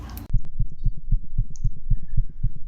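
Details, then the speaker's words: Cat: rapid, regular heartbeat about 230 a minute with a soft whooshing murmur between beats, usually loudest at the left or right sternal border; cats may instead have a gallop, thought to be S4. "the murmur is usually loudest right at the left sternal border or the right sternal border and then cats can have either a murmur or they can have a gallop"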